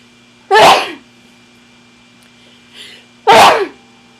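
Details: Two loud, explosive sneezes about three seconds apart separated by a short sniff, from a person who believes they are sick with a stuffed nose; sneezing.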